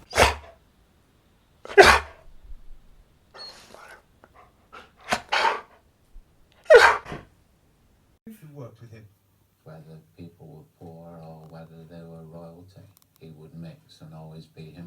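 Four sharp, explosive nasal bursts spaced seconds apart, then soft whimpering; dog sneezing or snorting.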